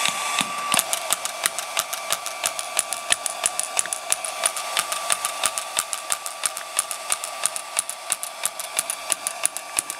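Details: Rapid regular sharp clicks, about three per second, from a radial shockwave therapy handpiece using working head number two, pulsing over the ankle with cooling gel applied.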